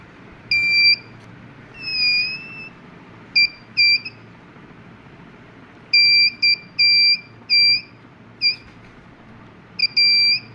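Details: Homemade heartbeat detector circuit built on an LM358 op-amp IC: high-pitched electronic buzzer beeps in uneven bursts over low room hiss.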